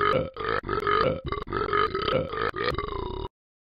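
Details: A person giving a long, deep, croaking belch broken into several pulses over about three seconds; a drawn-out burp.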